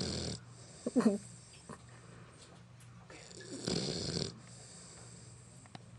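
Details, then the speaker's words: 11-week-old Bullmastiff puppy napping: soft, rattling breath noises with a snuffling snort near the start; snoring. "this is Julie darling our 11 week old pupp taking her nap this is what we hear at night"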